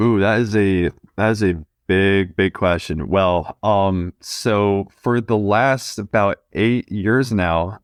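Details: 20-year-old male who has stuttered since about age two; repetitions audible; stuttering.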